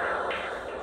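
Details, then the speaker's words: Handheld acoustic Doppler over a free flap perforator artery during postoperative flap monitoring: steady whooshing hum with pulsatile arterial beats, and constant nearby venous flow audible in the background between beats. "in this video you can hear the pulsatile sound of the artery but if you listen in the background between the pulsatile Beats of the artery you can also hear the constant sound of nearby vein blood flow"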